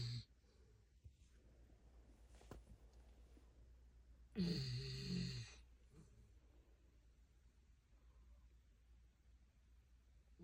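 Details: Snoring in a sleeping silver Labrador: a single deep, rattling, humanlike snore lasting about a second, with quiet breathing around it.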